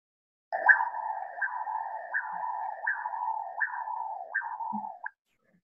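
Continuous whooshing Doppler flow sound with soft pulsed peaks and sound persisting between beats, a low-resistance internal carotid pattern; normal.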